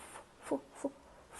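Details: Acted demonstration by a speech-language pathologist of stuttering with sound repetition on the word 'phone', repeating the first sound before the word; stuttering (sound repetition).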